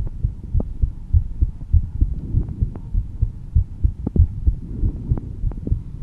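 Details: Own slightly calm heartbeat, audio only: steady low thumping at roughly 100 beats a minute with faint background hum; normal heartbeat.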